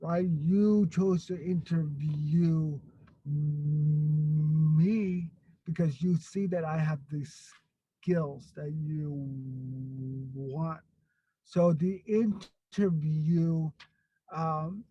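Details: Stuttering in an adult man who grew up with a severe overt stutter, was later helped by a stuttering program, and still gets stuck on a word here and there.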